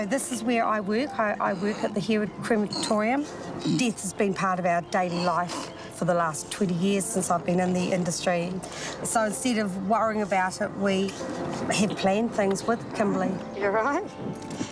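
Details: Adult woman speaking; ordinary speech.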